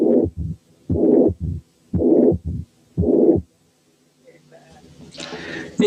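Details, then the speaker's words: Mitral incompetence played step by step near 60/min: heart sounds alone, then the pansystolic murmur, then in diastole a third heart sound and finally a mid-diastolic murmur (relative mitral stenosis). "الأول هتلقوه فاضي، وبعدين هيظهر الثيرد هارت ساوند، وأخيرا هتبان الميد دايستوليك مامر."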